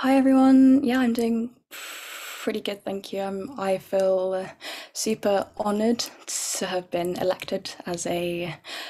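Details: Real, overt stuttering (stammering) in an adult woman who stammers, with repetitions and blocks.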